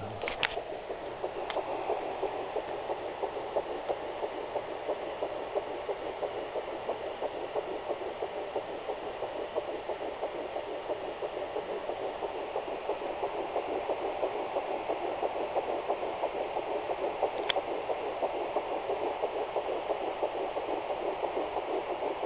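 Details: Fast, steady whooshing pulses at about 180 a minute, a fetal heartbeat at 8 weeks 4 days picked up by a Sonoline B fetal Doppler; fetal heartbeat on Doppler.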